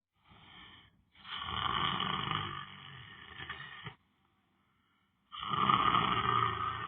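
Loud, rough, drawn-out breathing noises with a pause between them: heavy snoring during sleep.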